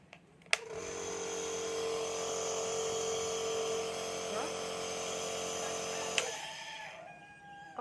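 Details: Click of the on/off switch, then about six seconds of steady buzzing motor hum from a Philips Respironics nebulizer compressor, then another click as it stops; nebulizer compressor running.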